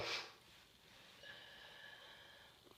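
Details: Explosive sneeze during a cold, described as itchy: one sharp burst of air at the start, then quiet room noise.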